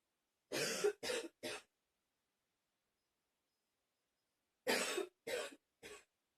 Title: 10 minutes of coughing